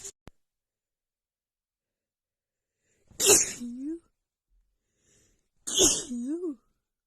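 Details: Female in a non-stop sneezing attack, with a runny nose after an hour outside in cold, snowy weather combined with dust: two forceful sneezes a few seconds apart, each a sharp hiss with a brief voiced tail.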